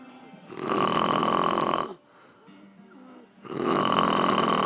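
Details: Aunt snoring after a day of drinking: loud, rough, rattling breaths lasting over a second each, separated by quiet pauses; snoring.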